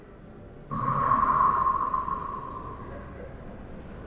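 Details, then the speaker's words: A single harsh, droning snore on inhalation, attributed to a thick tongue blocking the airway; snoring from tongue-base obstruction, in a sleep apnea discussion. "Atau bisa juga karena lidah kita. Lidah terlalu tebal. Nah, lihat ini beda lagi. Lidah yang bikin menyumbat jalan napas."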